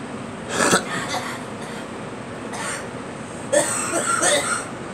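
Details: Girl coughing: a few short, harsh coughing bursts separated by pauses over a faint rumbling background; cough.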